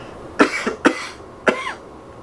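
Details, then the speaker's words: Three short, harsh coughs in quick succession, acted (not real) in a comedy skit; cough. "I don't know, man. That cough sounds pretty bad."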